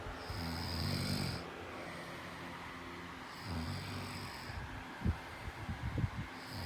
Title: Snoring 11